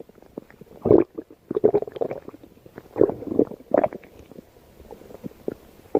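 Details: Stomach growling (borborygmi): irregular gurgling, rumbling bursts from the abdomen.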